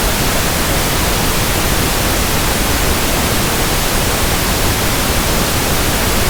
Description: Pink noise sound for tinnitus sound matching, ringing in ears, pink noise comparison, and tinnitus frequency testing.